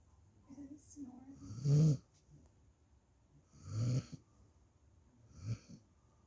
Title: puppy snores loud